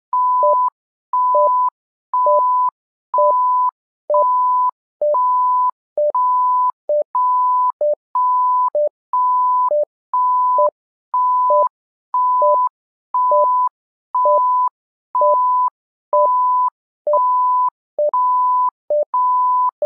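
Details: Simulated patient monitor app (SimMon) sounding its patient monitor tones.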